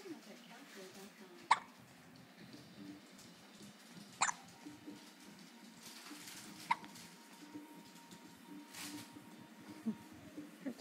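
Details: Baby girl: four short, sharp hiccups a few seconds apart over quiet room noise; infant hiccups.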